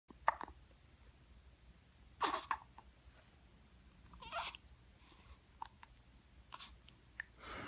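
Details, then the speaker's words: Baby with repeated hiccups: several short, sharp breathy catches at irregular intervals in a quiet room, some slightly longer and noisier. "what why you hiccup so much maddox you make all those faces"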